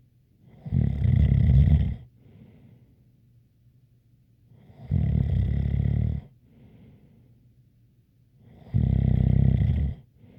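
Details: Loud rumbling snores on each inhalation with a faint whistle, about 17 per minute, quiet breathing between: ordinary snoring with a light whistle.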